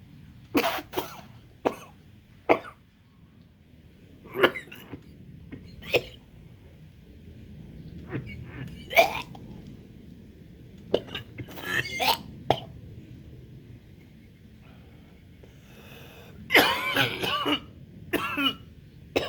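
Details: Person coughing loudly and strongly in repeated sharp, forceful short bursts after a first-ever DMT smoke hit that tasted weird; irritant cough after smoke inhalation.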